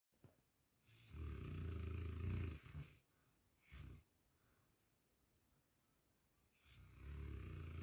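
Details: Sleeping dog that snores all night: loud, low, rumbling snores, one long fluttering then shorter ones after quiet pauses, in a quiet room; dog snoring.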